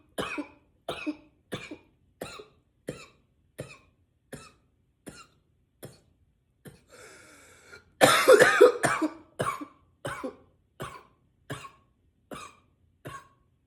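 About eighteen short dry coughs in rapid, nearly nonstop succession, with one louder harsher burst midway; persistent repetitive coughing.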